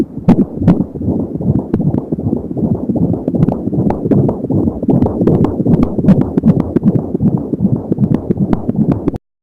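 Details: Fetal heartbeat at 28 weeks of pregnancy, heard with an Angel Sound home Doppler: rapid, regular galloping whoosh-thumps at about 170 beats a minute, with whooshing umbilical cord sounds.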